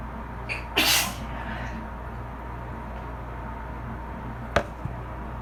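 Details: Adult allergic to bleach, sitting in a bath after cleaning with bleach: one loud explosive sneeze, then a later sharp sneeze burst, over a steady appliance hum and faint water splashes; allergic sneezing.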